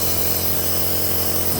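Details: Omron NE-C28 compressor nebulizer running, shown with its mask attachment, giving a steady loud buzzing motor hum with a hissing edge.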